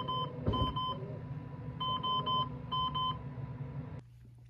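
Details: Ventilator training demonstration: clusters of three-tone electronic beeps over low room hum, then quiet; circuit leak alarm that, when persistent, shows as a disconnect alarm.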